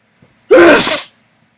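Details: A single forceful sneeze aimed onto a mirror, a sharp explosive burst of air and voice lasting about half a second, after a faint intake of breath.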